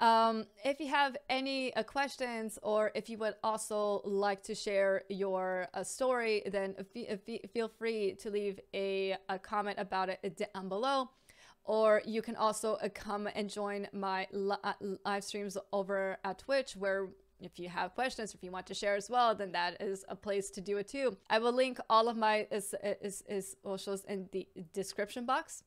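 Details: Adult woman with a stammer, audible word repetition; stuttering (stammer).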